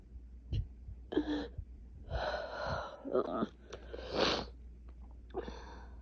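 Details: Several forceful sneezes with sharp indrawn breaths between, over a low steady room hum; a painful sneezing fit during a cold with 3 days of sinus pressure, 2 days of fever, and asthma-related chest tightness.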